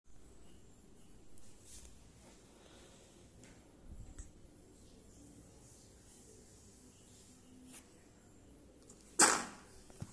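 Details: Baby girl sneezing: a single sharp infant sneeze near the end after several seconds of quiet room sound.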